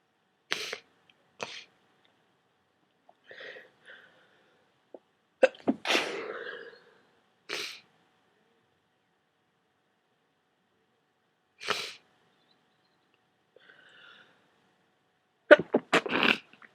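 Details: Several wet, forceful sneezes with sniffs and short breaths between, ending in a quick double sneeze, from a person with a cold who had taken a strong decongestant; wet cold sneezes.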